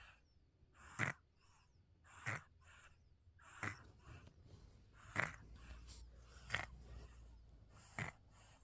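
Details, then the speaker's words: 3.5-month-old girl sleeping and snoring; six short snorting snores about 1.4 seconds apart, roughly 44 a minute; ordinary infant snoring. "She's 3.5 months old, snoring like a grown man. Cutest snores you'll ever hear."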